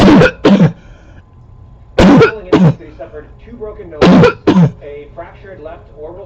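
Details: Barking cough recorded close up in 2014: six loud, harsh coughs in three pairs about two seconds apart, with a barking quality.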